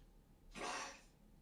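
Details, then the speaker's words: A dog sneezing in the background, picked up by a microphone during a game recording while the person speaks; the dog is said to be fine. "I wonder if you can hear that the dog is sneezing. He's fine, but he is sneezing. Wonder how much the mic can pick up."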